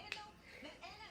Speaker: these ones already cracked but I want like that sometimes they'll crack with them oh yeah this one really crack all right that's how you crack your knuckles